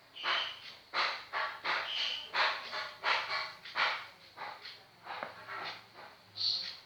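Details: Sleeping dog snoring, with what the owner calls a strange sound: repeated snorting, wheezy breath noises about once a second.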